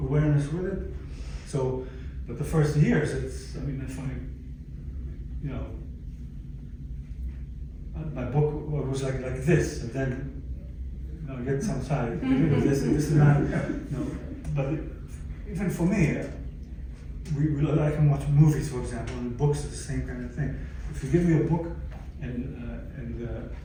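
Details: Adult stroke survivor with aphasia from a stroke about 11 years earlier, speaking in a chronic post-stroke recovery phase; finding: aphasia.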